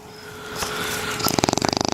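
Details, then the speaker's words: Bulldog puppy asleep on a lap by a campfire at a cottage: rapid, rattling, fluttery snore, about ten vibrations a second, over crackling fire noise; loud dog snoring. "Pickles, you snore really, really loud."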